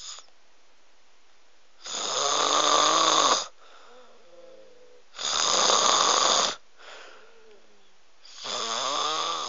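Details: Loud, harsh, rattling snores on each breath in, about three in nine seconds, with quieter breaths out between them.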